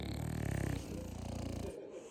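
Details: French bulldog brothers sleeping together: loud, deep rattling snores with a buzzing, fluttering quality, a chorus of snores; snoring.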